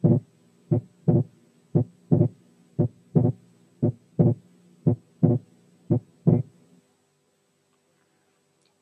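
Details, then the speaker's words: Abnormal persistent splitting of S2 with breath sounds filtered out, as seen in right bundle branch block. Regular heartbeat near 58/min; S2 stays split through both inspiration and expiration, sometimes narrow and sometimes wide. "إنما إذا كان السبيتنج موجود على طول في الإكسبيريشن والإنسبيريشن يبقى abnormal. نسمع مثال كده."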